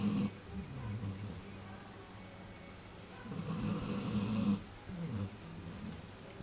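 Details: Loud snoring from a sleeping puppy, heard from the lounge: low, rumbling, fluttery breaths with a soft, airy hiss on inhalation.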